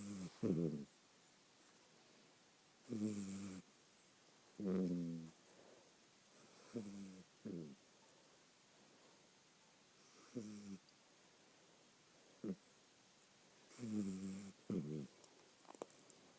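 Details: Puppy snoring late at night: repeated rough, vibrating snores on each breath with quiet gaps, about eight bursts; plain snoring during sleep.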